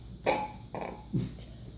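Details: A girl burping after drinking: two or three short, low gulping bursts with a throaty rasp.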